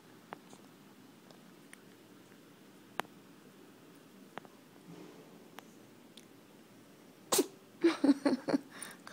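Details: A rapid run of several short, sharp sneezes after a quiet stretch with faint clicks; a bout of repeated sneezing.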